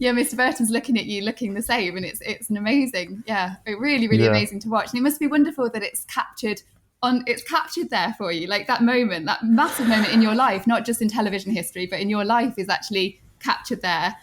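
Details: Adult woman speaking; typical fluent speech.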